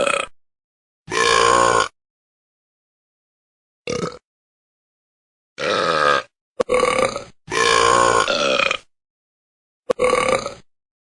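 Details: Korat cat and his burping buddies: eight loud, drawn-out voiced belches in quick succession with silent gaps between them; ordinary burping.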